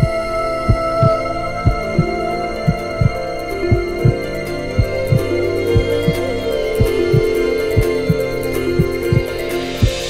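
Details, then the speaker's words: Fetal heartbeat on an ultrasound monitor in a TV drama scene: rapid whooshing beats of roughly 180 a minute under background music. "धड़कन है। यह आपके लिए बहुत ही भावुक क्षण है।"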